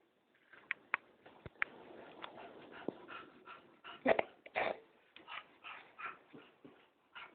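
A dog gives two harsh, forceful coughing bursts among soft whimpering sounds and light clicks; canine cough.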